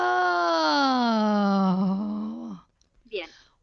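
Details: Patient with a vocal polyp; two simultaneous tones with broken frequency contour; diplophonia.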